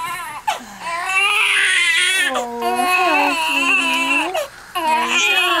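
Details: Newborn boy's vigorous first cry right after birth following about 3 minutes of pushing: strong, high-pitched long wails with brief breaths between.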